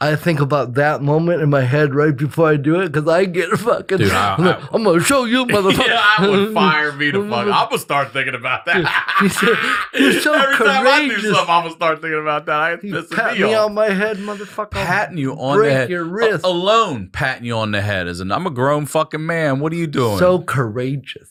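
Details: Adult man speaking; typical speech.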